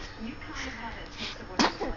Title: Baby Kicks Smiles Sneezes and Coos